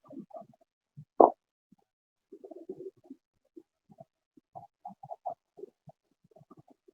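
Soft clusters of brief bubbling pops recur with breathing, with one louder thump; moist crackles, mainly on inspiration, expiration barely heard.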